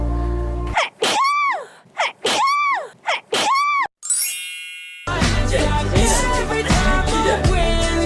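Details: K-pop group member's loud voiced sneeze, repeated three times in an edited sequence between bursts of music; sneeze.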